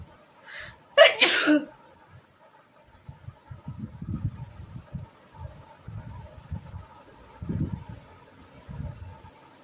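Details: Sneezing challenge, nose sneezing: a quick intake then one loud explosive sneeze, followed by low murmuring talk and room noise.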